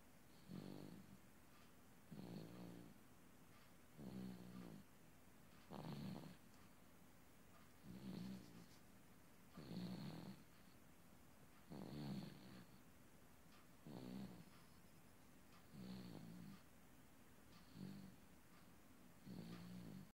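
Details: Baby boy who fell asleep listening to water running from a faucet, snoring during peaceful sleep: regular rattly snores on each in-breath, about 30 a minute, in a quiet room.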